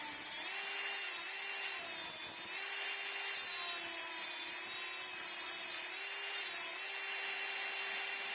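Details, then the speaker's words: Dental high-speed handpiece cutting three buccal depth grooves, one per cusp, on a typodont mandibular first molar (tooth 36) for a full veneer crown: steady high-pitched whine with slight pitch dips. "One, two, and the third groove. So I'm making a third groove also corresponding to the distal buccal cusp, the mid-buccal cusp and mesiobuccal cusp."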